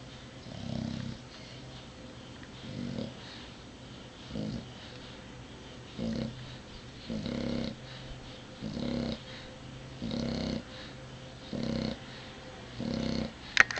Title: Snoring Sassy